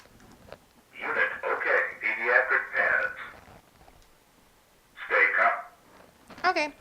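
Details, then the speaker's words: Zoll AED Plus defibrillator turned on after battery replacement and battery reset: synthetic spoken voice prompts and a beep as it runs its power-on self-test; normal device behaviour. "once all the batteries are installed press the battery reset button close the back battery cover open your ad check it out turn it on let it do its little test"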